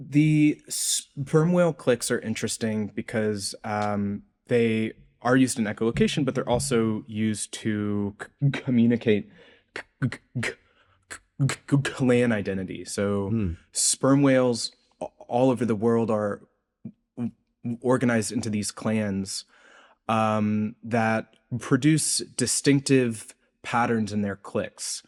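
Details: Adult man's real, self-reported speech impediment, present throughout the interview; speech impediment (disfluency).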